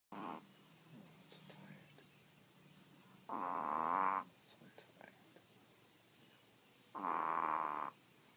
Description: This Yorkie sleeps on command and snores LOUD!